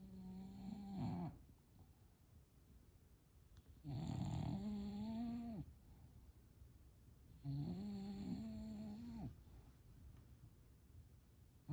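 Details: Loud snoring, apparently from a bulldog.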